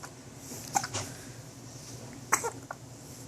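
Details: Hiccups that seem to frighten the person hiccuping, who is told not to cry and that they keep scaring themselves.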